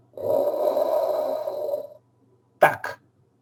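A voice imitates heart sounds: a long breathy whoosh, a pause, then two short clipped syllables, mimicking a systolic murmur.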